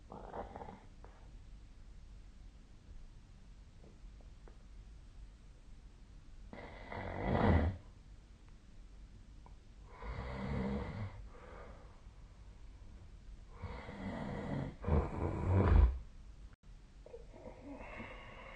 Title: 🐽 本日のイビキ / Snoring Sleep Sound 2025/01/28